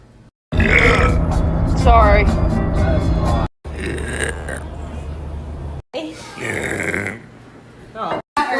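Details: Several long, loud, low rumbling belches in a row with laughter and background music; a girl repeatedly burping in a burp compilation short.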